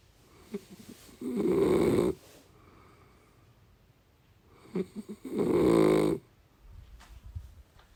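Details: Two loud vibrating snores, each preceded by short clicks, with quiet breathing between, from a person in deep sleep; ordinary snoring.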